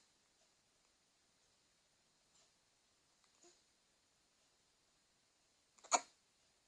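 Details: Quiet room with a few faint catches, then one sharp, louder, abrupt big hiccup; hiccups.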